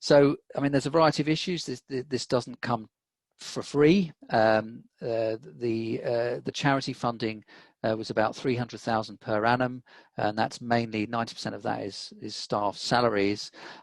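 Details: Adult man speaking; typical speech.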